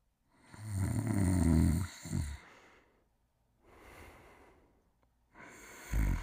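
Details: Buck, sleeping and snoring: a loud, rough, rattling snore on breathing in, followed by quieter breathing out, repeating with each breath.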